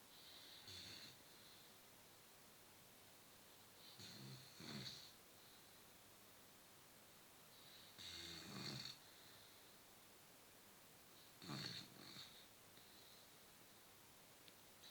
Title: Бигль храпит на всю квартиру/ Beagle snores the whole apartment